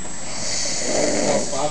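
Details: Snoring recorded from a man named in the video: a single rough, rattling breath with a low throaty flutter.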